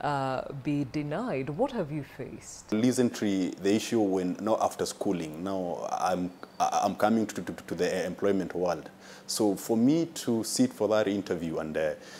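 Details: Adult man with stuttering (stammer), described by a consultant as a mild case, with delays on some words, worse when nervous; stuttering.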